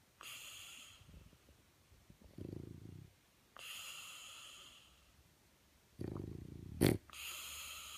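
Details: A French bulldog, not sedated, sleeping on his back under the covers with eyes open, snoring at about 17 breaths a minute, alternating a hissing, whistly breath with a low, rattling snort.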